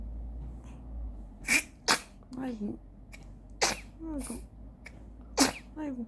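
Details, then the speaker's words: Several small, sharp sneezes from a newborn with soft baby noises between them over a low room hum; the sneezing stopped the baby's hiccups. Ordinary infant sneeze. "응. 딸꾹질 멈췄네. 재채기하고 딸꾹질 멈췄네."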